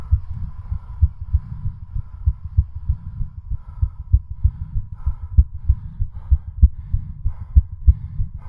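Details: Rapid, regular low heart thumps recorded during a home exercise-bicycle stress test pushed until exhaustion: exercise-induced sinus tachycardia.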